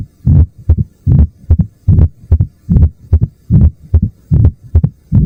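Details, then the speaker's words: Stethoscope bell at the apex: regular heartbeat near 74 a minute with a sharp opening snap after S2 and a low-pitched diastolic rumble like distant thunder; mitral stenosis. "You hear a low-pitched diastolic rumble with a sharp opening snap as the valve flies open. It sounds like distant thunder."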